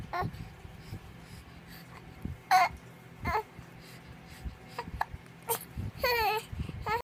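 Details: Two-month-old baby boy babbling and whimpering with hiccups: short sudden catches in the voice about every second.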